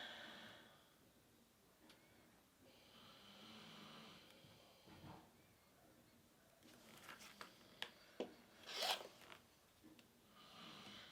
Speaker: think you can hear what's snoring in the background